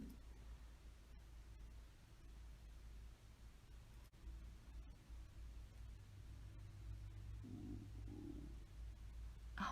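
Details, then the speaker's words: Woman's hungry stomach growling (borborygmi): quiet low rumbling with a couple of soft gurgles. "okay my stomach is growling you guys I'm so hungry oh my stomach's growling I'm hungry"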